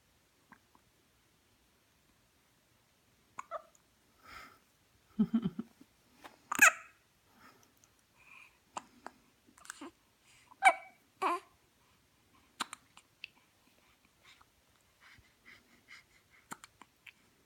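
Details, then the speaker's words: Pet dog with hiccups: brief, irregular gulping hiccup sounds with soft breathing between them. "What you thinking about, huh? How annoying hiccups are? I know."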